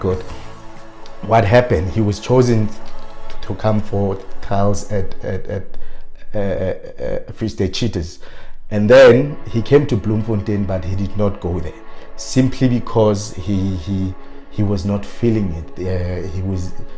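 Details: Stuttering in an adult man who has self-coached his fluency but still stutters on certain words.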